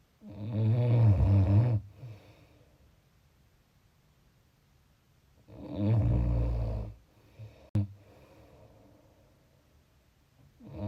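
Two deep, vibrating snores a few seconds apart, with quiet breathing between. Snoring at roughly 12 breaths a minute.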